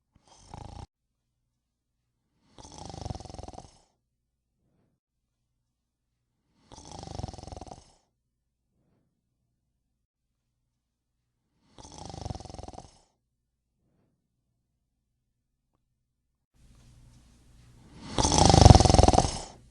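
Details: Person sleeping, regular snores about every four to five seconds, roughly 13 breaths a minute, ending in one louder, harsher snort; snoring.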